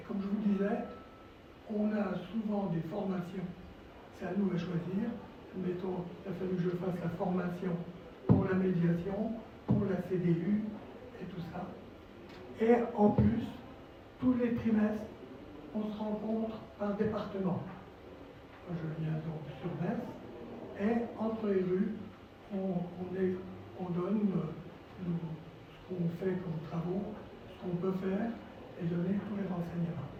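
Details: Dysphonia from vocal cord lesions in a male former nurse, with respiratory problems, since complications after coronary bypass surgery that required 4 months in intensive care.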